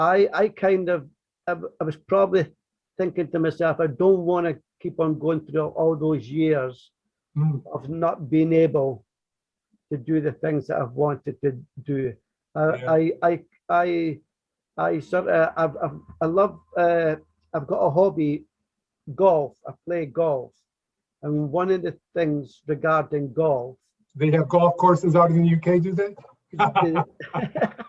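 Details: Adult man who has stammered since a very young age, self-described formerly covert stammerer whose stammer has never been severe; real, not acted: stuttering (stammering) with part-word and word repetitions.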